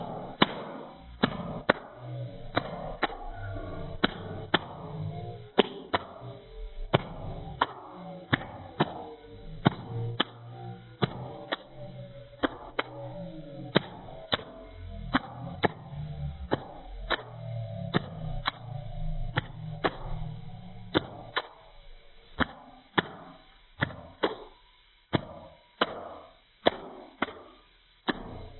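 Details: Low, shifting rumbles and gurgles from a 69-year-old grandfather's belly, punctuated by sharp repeated clicks: bowel sounds (borborygmi).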